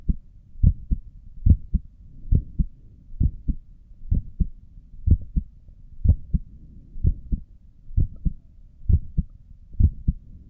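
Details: Own heartbeat recorded with a stethoscope while sitting at a desk for five minutes, with a visible neck pulse: steady, clear, even lub-dub beats at about 66 per minute; normal resting heart sounds.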